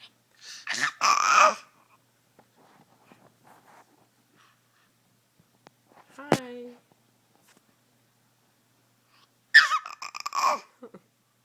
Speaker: hi hey hi who is that whoa you know he just had like three good sneezes did you hear him